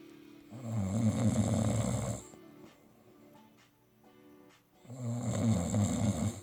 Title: Who's snoring?